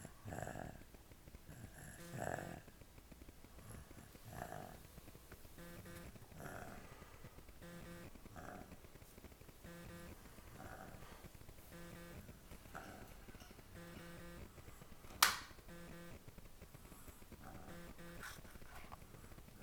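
Soft, rough snores at a steady resting pace, with a faint repeating beep-like tone and one sharp click in the room: quiet snoring.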